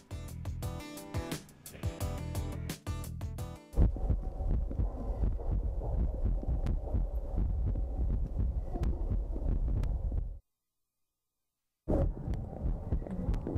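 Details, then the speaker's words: Muffled, regular low heartbeat thumps at about 87 per minute from a schoolgirl listening to her own chest through a telephone-like stethoscope with headphones at a science museum, with music at first; a normal heartbeat. "헤드폰으로부터 들려오는 것은 바로 심장박동 소리입니다. 태어난 순간부터 시작된 심장의 움직임을 생생하게 느낄 수 있는 순간인데요."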